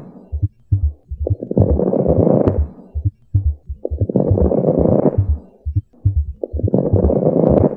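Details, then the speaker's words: Rapid low heart thumps under coarse, crackly breath noise (rales) at about 21 breaths a minute in a person with acute decompensated heart failure; heart and lung sounds in acute decompensated heart failure. "you want to hear heart failure this is what a person's heart and lungs sound like in acute decompensated heart failure"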